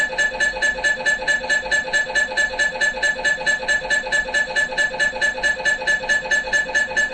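Loud, highly regular electronic knocking and buzzing at about two pulses a second, typical of an MRI scanner running an imaging sequence.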